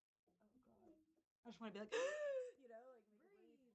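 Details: Infant with pertussis (whooping cough): rapid paroxysmal string of short coughs ending in a high-pitched inspiratory whoop.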